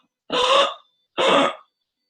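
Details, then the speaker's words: Child with noisy breathing possibly since birth, suspected congenital tracheal issue: two harsh rasping breath noises, an adult imitating stridor (high-pitched upper-airway noise), contrasted with the child's expiratory monophonic wheeze. "so noisy breathing would be in the form of a strider which is something"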